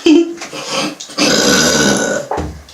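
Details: A short vocal sound then a long, loud, rumbling burp after drinking milk; burping.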